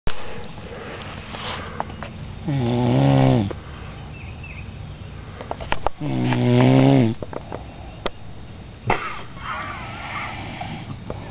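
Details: Snoring: two loud, harsh rattling snores on inhalation a few seconds apart, with faint room noise between.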